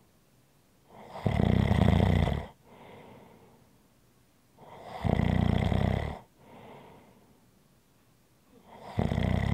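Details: ASMR relaxation recording of ordinary snoring: loud rattling snores on each in-breath with softer out-breaths, about 13 breaths a minute.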